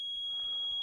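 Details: Simulated tinnitus from a small box, demonstrated by a former airline captain with severe tinnitus for about 25 years: a steady, piercing high-pitched tone imitating constant tinnitus.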